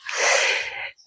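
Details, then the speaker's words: A single explosive, hissing adult sneeze lasting under a second, from a man outdoors preparing a barbecue fire; the speaker thinks dust, heat and pollen may be the cause. "Si vous entendez éternuer, c'est mon petit mamour qui est en train de préparer le feu dehors pour le barbecue."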